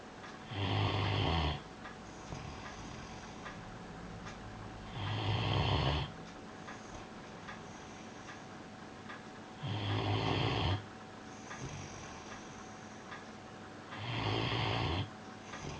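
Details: Piran snoozing on his bed, May 2013: four deep, rumbling snores at a slow steady pace, about 13 a minute, with quiet pauses between; ordinary loud snoring.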